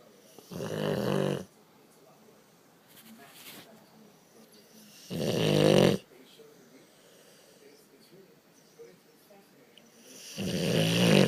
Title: Loudest snoring boxer ever